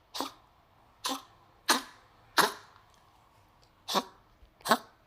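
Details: Dog coughing; the owner says it is unwell and will be given medicine: six harsh, dry, hacking coughs spaced irregularly about a second apart in a quiet room.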